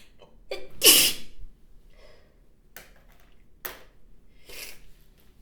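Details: Single forceful, wet spray sneeze from a woman after a brief inhalation, followed by quieter sniffs and breaths; house dust is mentioned as a possible trigger.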